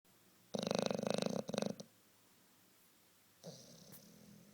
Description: The sleepyhead was having some kinda dream (corner of his mouth and eyebrow gently twitching) and I just had to film him snoring like that. :)